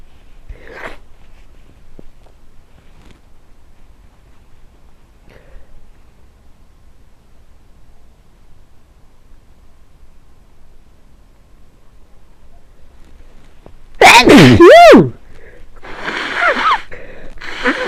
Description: Caught a cold and was feeling quite sneezy